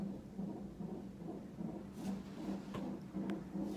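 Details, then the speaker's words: Fetal heart rate on CTG during labour with first baby (boy), mother admitted in hospital, monitored with contractions: muffled rapid whooshing beats about 140–150/min from monitor speaker, normal range. "and they're just monitoring his heart rate and contractions right now."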